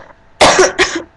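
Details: Two harsh, loud, rough throaty cough bursts in quick succession from a person who is sick with a sore throat; cough.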